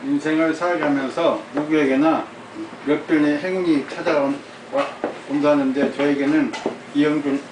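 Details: 59-year-old Korean man with facial, voice and oromandibular dystonia (mouth, tongue, jaw) since May of the previous year, with jaw deviation, headache and facial pain, rereading a passage after speech stopped mid-reading; oromandibular and voice dystonia.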